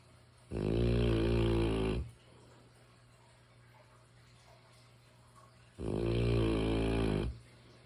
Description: I can’t sleep without my mastiff snores. It’s such a beautiful sound. I consider it to be white noise.